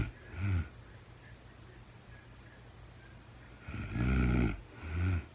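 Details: Real-time recording of a woman asleep at night, no talking, very tired: deep, vibrating snores, one long and one shorter, over a steady hiss; snoring during sleep.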